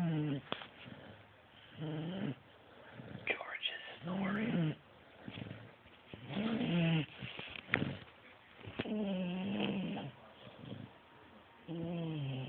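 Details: Person snoring during sleep: repeated low, buzzing snores on each breath, about 26 a minute, with faint room noise; ordinary snoring.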